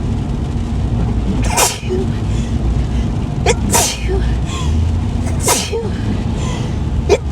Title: Sneezing & Driving in the Rain (f)